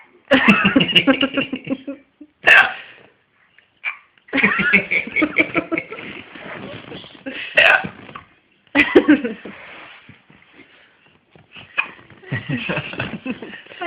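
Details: An infant gives several sharp, abrupt hiccups between stretches of voiced babbling and nearby talk.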